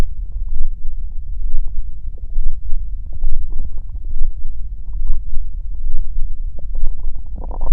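Low, irregular gurgling and rumbling with bubbly pops, typical of stomach growling from gas and fluid moving through the gut.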